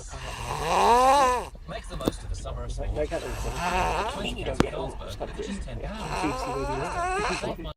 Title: me snoring loud